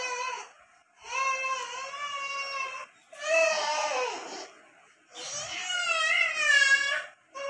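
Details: Repeated high-pitched crying bursts with breaths between them from a baby girl in a small room; ordinary infant cry.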